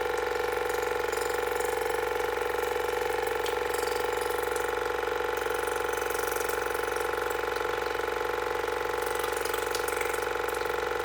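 Steady motor hum with rapid regular pulsing, about 200 pulses a minute, and water spray: a water flosser running at a high setting.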